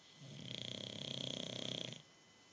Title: Duelling snoring